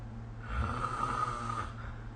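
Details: Snoring during sleep recorded with the SnoreLab app: a single low, rattling snore with a whistling edge, lasting about a second.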